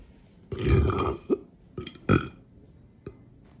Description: was so drunk making this, these r weak i need someone to teach me how to do them longer and better